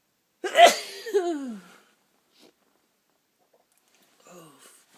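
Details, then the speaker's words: A person lying in bed in the early morning sneezes repeatedly from a tickling nose after trying to hold it back; here one loud voiced sneeze with a falling tail, then quiet and a soft sigh. "Oh, I got away again. It's tickling. Oh, come out. Come out. I do it. I know what's in there, but it won't come out. Oh, it's just tickling and tickling."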